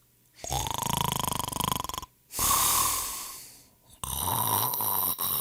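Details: Heavy snoring from a royalty-free sound-effect compilation of people snoring: loud, fluttering snore on the in-breath, long hissing out-breath, then another rattling snore.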